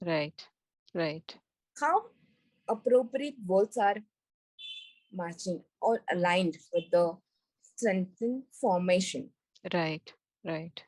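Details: Woman with global aphasia after a stroke during an Everest base camp trek about four years earlier, initially unable to speak, read, write or spell; recovering after speech therapy; aphasia after stroke.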